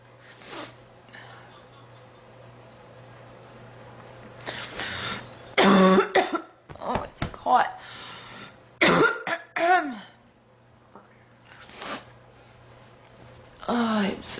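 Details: Girl sick for about 3 weeks, feeling hot and tired after being woken: several harsh coughing bursts with throat clearing and groaning between them, over a steady low room hum.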